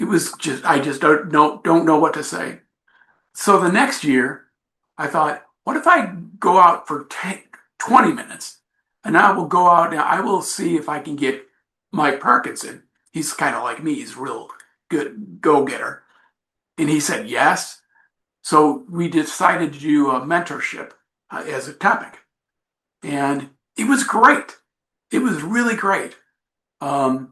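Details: Adult man with aphasia from a traumatic brain injury in a bike accident, with coma, about 15% of the brain lost and skull surgeries. Aphasia persists about 5 years later. Finding: aphasia.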